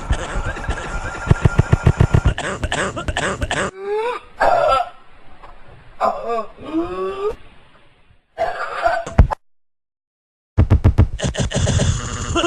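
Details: A cough linked to smoking: repeated harsh coughing and throat clearing, with groaning and a strained voice between bouts.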